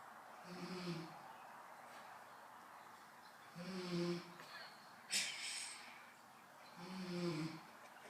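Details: Adult woman (a mother) snoring while asleep: three rough, low snoring breaths about three seconds apart, with a faint snort between them.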